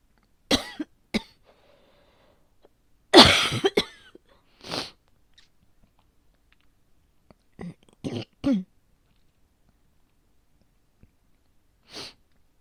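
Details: Repeated short, dry coughs in small clusters from an adult woman with asthma, calm for a long time, who feels slightly asthmatic today at the change of seasons and suspects an asthma flare.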